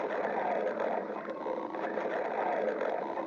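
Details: Continuous low, rolling stomach growl with a bubbling texture lasting about three seconds; ordinary borborygmi.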